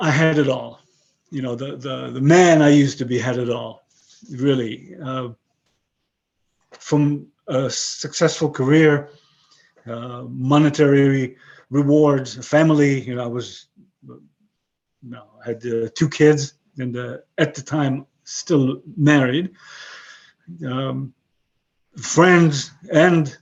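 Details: 62-year-old man with aphasia since a stroke about 11 years earlier; he lost most of his languages and his English is broken; aphasia.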